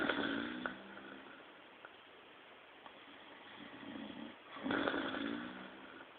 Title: RONCANDO